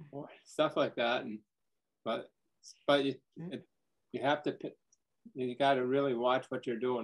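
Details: Man diagnosed with primary progressive aphasia last summer, with word-finding difficulty; his speech varies between good and bad days and is worse when tired; primary progressive aphasia.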